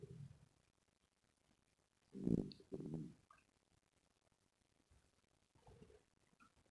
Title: Stomach growling sounds #2